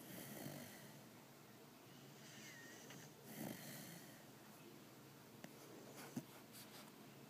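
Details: Pitbull dog snoring very loudly in sleep, loud enough to wake the owner: soft, noisy snoring breaths with a faint whistle over steady room hiss, plus a couple of small clicks.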